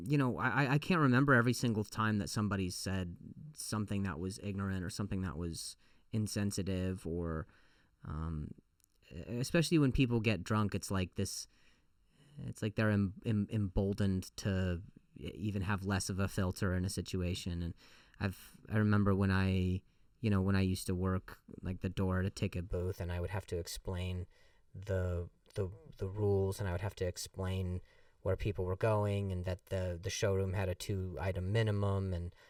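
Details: Male comedian who stutters and says it has gotten a lot better over the years; repeated words and phrases; stuttering.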